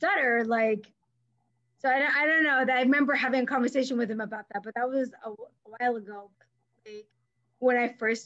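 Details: Adult woman, a speech pathologist who stutters, in conversation with part-word and word repetitions; stuttering.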